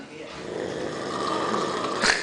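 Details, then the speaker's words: A single loud, rough snore on the in-breath, building over about two seconds, from a man nearly 60 sleeping on a sofa: heavy snoring. "his snoring is shocking and who snores like that he's here in my living room check it out on my sofa"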